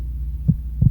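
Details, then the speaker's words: Two deep, soft heartbeat thumps over a low steady hum, presented as the mother's heartbeat a baby hears and feels in the womb; a normal heartbeat. "what you heard all day long was her heartbeat and not only did you hear it you felt it around your body"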